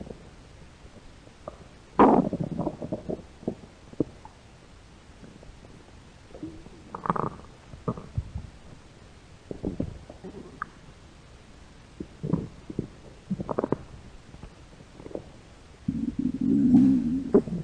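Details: Hungry American woman's belly: irregular gurgling rumbles and squelches, with a long rumble near the end; stomach growling from hunger (borborygmi).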